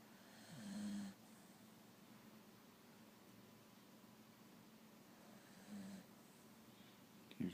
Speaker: snoring. Now he stopped. He was a good snorer too. Yeah, he's picking it up a bit.